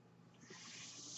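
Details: Mechanical ventilator noise heard in the background while its user speaks.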